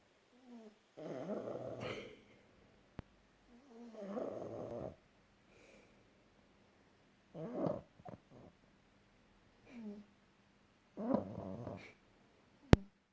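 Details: Pug snoring, said to be still awake: irregular rattling, snorting breaths through a narrowed airway, typical of a flat-faced dog.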